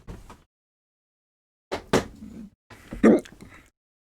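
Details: Adult hiccuping, with a few abrupt sharp hiccups separated by quiet pauses in a small room, before a breathing and breath-holding method stops them; hiccups.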